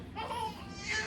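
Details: Brief, soft, wavering high-pitched cry from one of infant twins who had just woken, at a family mealtime; ordinary infant crying.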